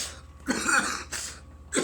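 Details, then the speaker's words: Adult coughing right after a large bong hit of cannabis: three harsh, dry cough bursts in a small room, coughing fit that won't stop, sweating and hot; cough after smoking. "it just won't stop it's not over oh God it's not over"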